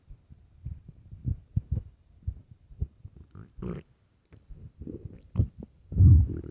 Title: extreamy hungry empty stomach growling loudly part 2